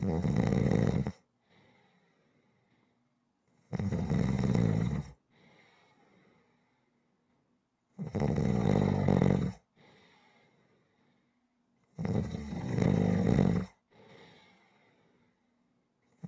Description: ASMR Snoring audio to relax to